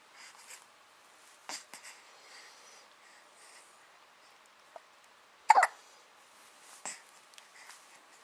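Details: Several brief, sharp hiccup sounds at irregular intervals over background noise; ordinary hiccups.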